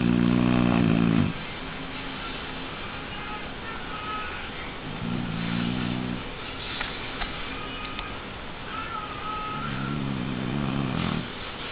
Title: No dog snores like a Shar Pei